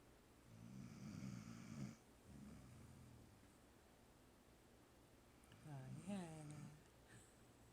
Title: Snoring Dog